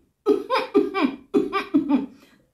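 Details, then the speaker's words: Demonstration of stopping a coughing attack with the mouth closed and covered by the hand, a Buteyko-method breathing practice: six muffled, voiced cough bursts in two groups of three, i.e. a suppressed cough. "если прям вот уже подступил приступ то вы закрываете рот рукой"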